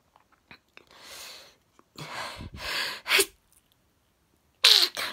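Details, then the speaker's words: Run of sharp, explosive sneezes after sniffling inhalations, in a person with intense sneezing that locks the jaw and causes pain; one sneeze noted as louder. "there goes a loud one so i think i'm finished no yeah i think it's finished no no that was louder so i think i finished i really hate it when i get a locked jaw"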